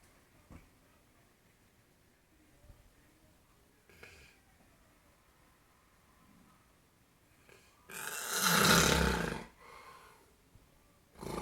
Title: Snoring ugly Grand Pop